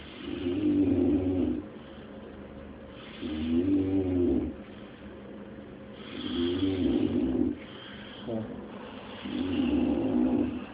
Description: This right here is what I had to try to sleep through...and it was so much louder than this...